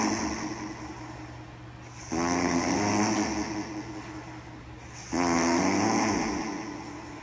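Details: Two loud, rattling snores about three seconds apart, a coarse vibrating sound on each breath in, about 20 a minute; snoring.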